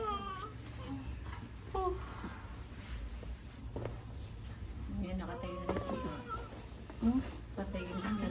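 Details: Real newborn baby girl's first cries just after a normal delivery at a lying-in clinic: thin, wavering cries rising through adult chatter in a small room.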